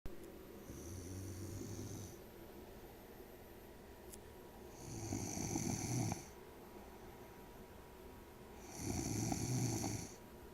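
Three regular low rumbling snores on breathing in, about one every four seconds, roughly 15 breaths a minute; plain snoring.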